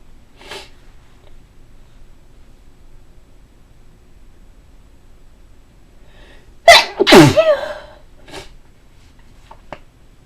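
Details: After a long quiet stretch, a loud double sneeze with a quick build-up, then a few soft sniffs, one of several deliberately varied sneezes; ordinary sneeze.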